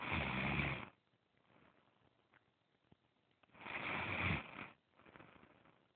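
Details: Woman snoring while asleep although she claims she does not snore; two loud, rough breathing noises about three and a half seconds apart with quiet pauses between; snoring.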